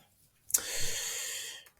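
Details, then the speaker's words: Pet dog snoring nearby in a quiet room during a spoken recording: one long, hissing, snorting breath with a low rumble. "Alors, personnellement, je suis désolé, peut-être que vous entendez mon chien ronfler,"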